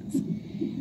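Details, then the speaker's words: Soft, rhythmic whooshing pulses over a low hum, fetal heartbeat on a Doppler monitor during labour, with a possible placental problem and a planned c-section; fetal heart rate on Doppler. "i didn't pack for a c-section but that's my baby's heartbeat by the way"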